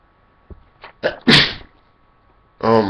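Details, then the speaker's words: Deliberately provoked sneeze: a quick catching inhale builds into one loud, wet, explosive sneeze, then a short exclamation; ticklish left nostril with watering eye, light-triggered repeat sneeze described. "i kind of love when that happens like when you know that sneeze is coming and you just like look up at the light and it makes you sneeze again"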